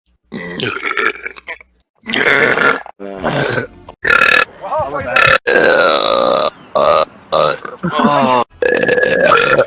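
A run of long, loud, voiced burps, several in quick succession, with brief pauses between them.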